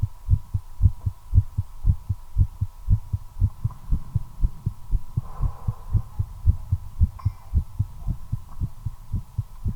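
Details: Fast, regular heartbeat at about 115 beats a minute, accelerating while smoking a cigarette, attributed to the effect of nicotine: tachycardia.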